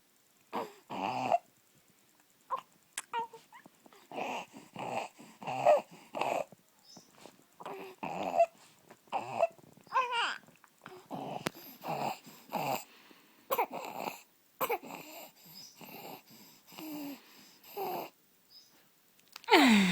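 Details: Six-week-old infant girl with laryngomalacia (congenital laryngeal floppiness): inspiratory stridor, with repeated high, squeaky, crowing noises on each breath in.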